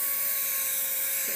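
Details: High-pitched steady whine with faint tonal line of a dental drill running in a small treatment room during a just-turned-four-year-old girl's first dental appointment; dental handpiece running.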